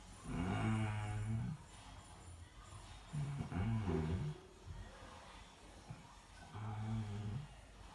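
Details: A person snoring in sleep: deep, rattling snores in slow cycles about every three to four seconds, separated by quiet breathing; ordinary snoring.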